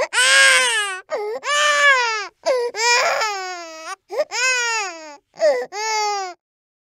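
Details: Loud, rhythmic wailing cries from a baby boy nearly 9 months old, each about a second long with brief gasps between.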